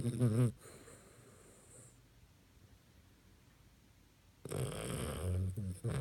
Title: Snoring Doge